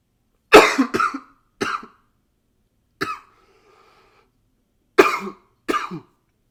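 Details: Coughing recorded with a new high-fidelity microphone: six sharp, fairly dry coughs, mostly in pairs, with silent gaps.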